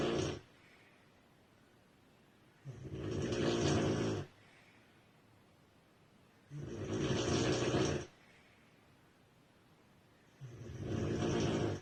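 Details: Loud, rattling snores on each breath, about 16 breaths a minute, with quiet pauses between, from a sleeping woman described as a very heavy snorer; heavy snoring.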